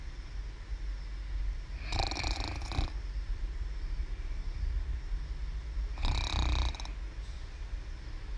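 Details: Young girl who snores every day when she sleeps: two rough, breathy snores a few seconds apart over a steady low room hum; snoring.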